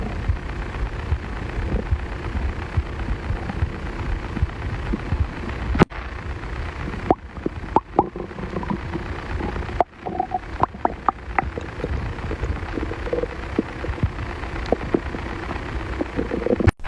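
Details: Adult male stomach growling: low rumbling with scattered gurgles, pops and brief squeaks, ordinary bowel sounds.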